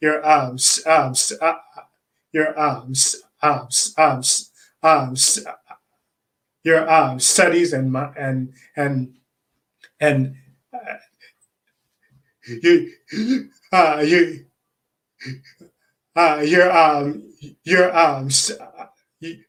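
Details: Adult man who says he is a person who stutters; repetitions and long pauses; stuttering.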